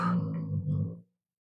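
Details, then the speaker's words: Dog snoring nearby (first called a cat, then corrected to a dog): a single low, rough, fluttering rumble lasting about a second, then silence. "Non, mais vous entendez mon chat qui ronfle."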